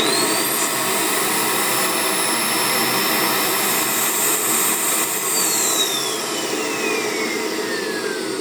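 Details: Loud continuous roaring rush of a dental vacuum forming machine's vacuum motor, like a vacuum cleaner, while molding heated plastic over metal objects; amateur hobby use.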